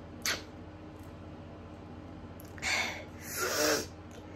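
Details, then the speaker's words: Person with autumn allergies, having an allergic reaction, trying to hold sneezes back: three muffled, hissing bursts, the last two longer; stifled sneezes. "I'm gonna try and stifle this next one, hopefully."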